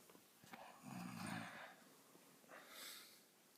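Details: A person snoring loudly: one low, fluttering snore on the in-breath followed by a breathy out-breath; snoring.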